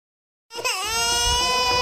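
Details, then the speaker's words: Infant crying for a long time, possibly hungry: after a brief silence, one sustained, high, steady wail just over a second long. "ஏன்மா ஏன் குழந்தை அழுதுகிட்டே இருக்கு எல்லாரும் என்ன பண்ணிட்டு இருக்கீங்க தெரியலப்பா ஏன் அழுவுதுன்னு ரொம்ப நேரம் அழுதுகிட்டே தான் இருக்கு"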